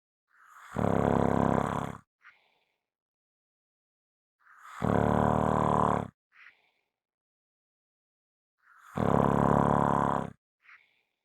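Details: Heavy snoring recording: three loud, deep, roaring snores about four seconds apart, each followed by a brief soft breath.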